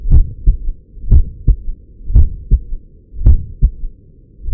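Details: Normal heart sounds recorded with a Stemoscope digital stethoscope at the mitral area: clear, regular lub-dub at about 58 a minute with no extra sounds.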